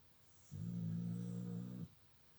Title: smiles and snore part 2